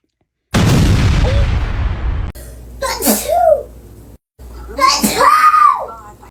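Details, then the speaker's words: Newborn baby sneezing: a loud, abrupt sneeze followed by soft whimpering. "Bless you. Bless you. Did you sneeze?"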